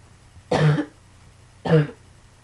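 Two short, dry, throaty coughs about a second apart, in a quiet room.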